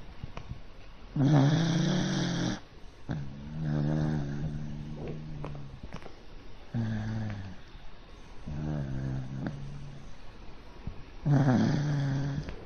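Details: Pet dog sleeping on its back on an owner's arm, snoring: loud, deep, buzzing snores on both inhalation and exhalation, roughly five cycles in twelve seconds.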